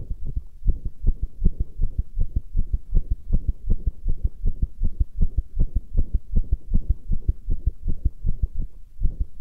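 Fast, regular deep thumping heartbeat, roughly 150 to 160 pulses a minute.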